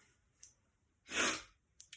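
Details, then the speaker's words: Single sharp, breathy sneeze in a quiet room; the person reports feeling very allergic for no known reason, sneezing constantly, and feeling like sneezing when looking at a light. "super allergized right now for no reason I don't know what's going on I've been sneezing all the time"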